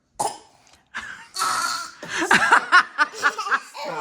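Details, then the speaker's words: Toddler triplet making herself cough on purpose in a playful coughing game while a parent tells her to stop: a few forced coughs, then a run of short voiced, giggle-like bursts. "You're going to make yourself throw up. Stop coughing. Making yourself cough, okay?"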